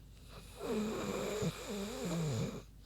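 One long, grunting, wavering snore from a sleeping pig, ordinary snoring while at rest.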